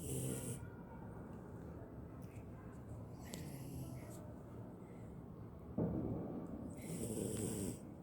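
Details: Snoring in a sleeping beagle dog: soft rumbling snores at the start and end of a quiet stretch, with a few faint snorts.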